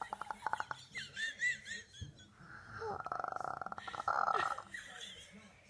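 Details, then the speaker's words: A young girl makes playful buzzing, rattling vocal noises in bursts, imitating her mother's snoring rather than true sleep snoring. "what are you doing? Snoring. Snoring? Who snores? Mommy."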